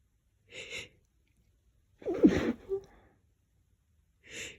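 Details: Sneezing after deliberately pressing the face into a lavender-scented pillow; the person is not allergic to lavender but is sensitive to it.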